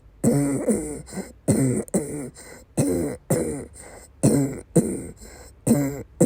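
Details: Woman during persistent asthma attacks with migraine-cluster headache complex, with coughing and vomiting: repeated harsh coughs in clusters of two to three, around 14 coughs in six seconds; persistent coughing fit.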